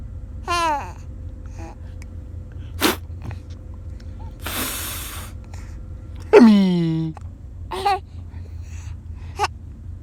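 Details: Young son, restless in a car parked outside a store, being given the hiccups: quiet surroundings, a few short gasps and squeals, including one sharp, sudden intake of breath.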